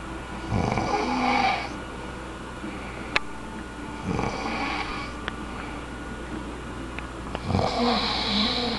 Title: cute snoring